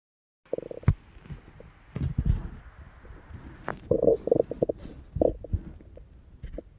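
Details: Stomach growling (borborygmi): irregular low gurgles and bubbling rumbles, ordinary stomach growling from gas and fluid moving through the gut.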